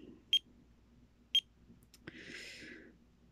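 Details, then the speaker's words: Pulse oximeter alarm at 12:30 a.m. in a seated adult with sudden stabbing head pains, who reports oxygen problems since weaning off a medication. Sharp, high electronic beeps about one second apart in a quiet room. "popped on the meter popped on the oximeter oxygen meter and it started beeping"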